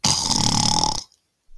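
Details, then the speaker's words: Imitated recovery breath after an obstructive sleep apnoea episode: one loud, rough, snorting gasp about a second long, then silence. "if you have sleep apnea your breathing gets obstructed and sounds a bit like this and"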